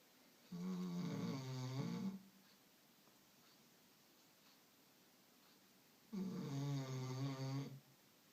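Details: Sleeping dog: two long, loud, rattling snores about five seconds apart with quiet breathing between; ordinary snoring.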